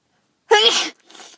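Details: A single loud, explosive sneeze with a soft breathy tail from a person with a congested, tickly nose, sore head and throat, and worsening cough during a cold; sneeze.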